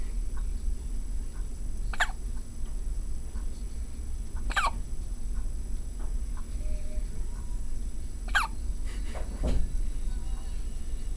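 Sudden short clicks at irregular intervals over a steady low rumble, about four in eleven seconds; hiccups.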